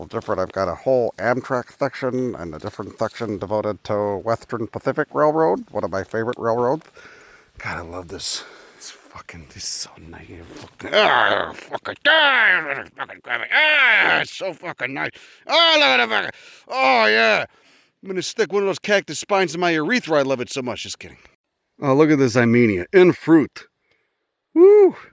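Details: Speaker with Tourette's, per the owner's labelling, talking while out botanizing; a sudden loud outburst in this stretch is taken as a probable vocal tic; vocal tics (coprolalia).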